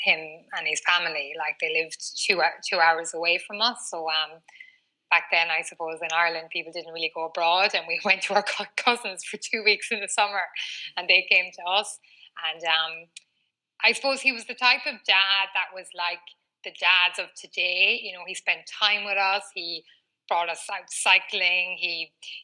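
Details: Adult woman aged 39, a former covert stutterer who now stutters openly, with a stutter marked by frequent word repetitions; she has had speech therapy including fluency techniques: stuttering.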